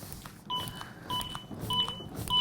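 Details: Steady electronic beeps at about 100 a minute from a ZOLL AED Pro metronome pacing chest compressions on a training manikin just after a shock for simulated ventricular fibrillation; CPR metronome beeps.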